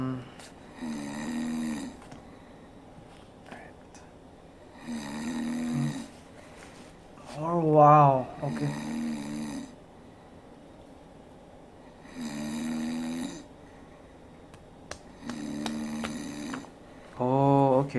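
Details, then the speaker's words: Recorded snoring played back while testing ear muffs for sleep: loud rhythmic snores, roughly one every three to four seconds, with a fluttering rattle on some breaths. "it shuts off the noise uh however I can still hear the snoring"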